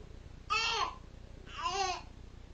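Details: Two short, high-pitched infant cries in a quiet room, each under half a second, more like fussing than sustained crying, while a cat appears to soothe the baby; infant crying.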